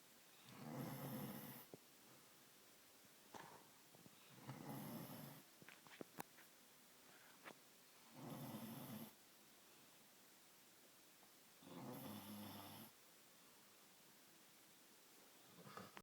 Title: Snoring dog =)